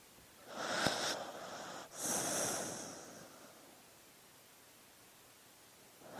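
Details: A soft, airy breath in and out through the nose with a brief snort, from a sleeping dog in an hour-long recording of sleeping dog noises; snoring.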